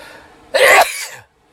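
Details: Adult sneeze induced by putting cayenne pepper on a Q-tip into the nostrils: a brief inward breath, then a single loud, hissing sneeze burst.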